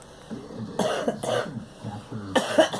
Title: Girl coughing